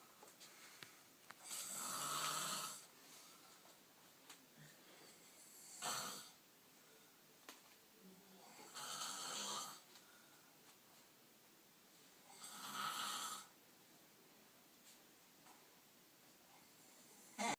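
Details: Person snoring, said to still be snoring 8 hours later: four harsh, raspy snores over about eighteen seconds with a slow, somewhat uneven breathing rhythm, in a quiet room; snoring.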